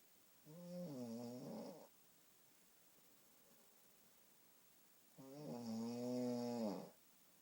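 Two long, voiced, rattly snores on breathing in, separated by a quiet pause; ordinary snoring.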